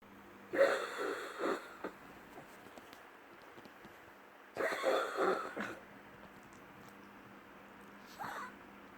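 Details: Two short bouts of harsh, hacking coughs, several in quick succession each time, with a faint wheezy edge and a brief third sound near the end: coughing.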